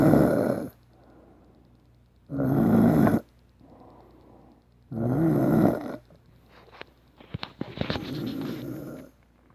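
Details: Heavy snoring in a man: loud, rough inhaled snores about every 2.5 seconds with a quieter outward breath between; some rustling at the end.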